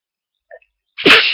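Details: A faint catch of breath, then a single muffled, hissing sneeze held back through a closed mouth, early in the morning after waking: a stifled sneeze.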